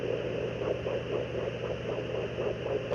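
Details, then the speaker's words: Fetal Doppler search on a pregnant female dog (a Great Dane breeder's bitch), lying on her side with gel on her abdomen: steady static and soft shifting whooshes as the probe slides, before any fetal heartbeat is found. "Just put it on the side of their abdomen here. Then you're going to very slowly and gently with your wand so that"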